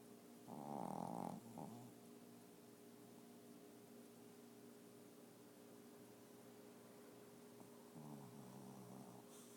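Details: Shih Tzu dog snoring during a nap: two brief low, rattling breaths over room hum, quiet breathing between.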